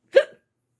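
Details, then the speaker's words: Woman with annoying night-time hiccups in a dark bedroom at bedtime: a single short, abrupt voiced hiccup. "save me save me from these awful hiccups I can't stand them I just want to be able to get my work done and go to sleep"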